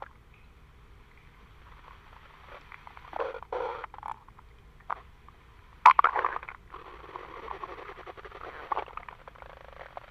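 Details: Molly's stomach growling (borborygmi).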